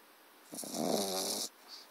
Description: Eric the pug puppy snores loudly!